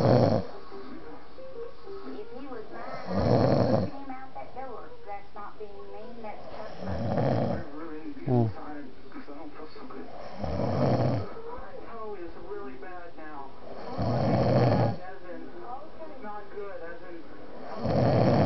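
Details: Loud, rumbling snores about every 3.5 seconds, roughly 17 a minute, with a rattling quality on each breath; very loud snoring during sleep.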